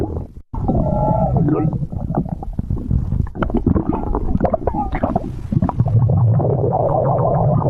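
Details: Stomach growling (borborygmi).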